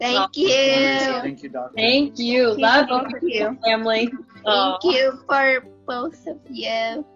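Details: 16-year-old girl with cerebral palsy, in a family with a rare mitochondrial neurodegenerative disease affecting muscles and nerve connections; doctors predicted she would never talk; dysarthria (cerebral palsy).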